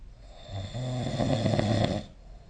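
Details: A single long, rough, fluttering snore on the in-breath from a sleeping adult, recorded with the SnoreLab snoring app; snoring.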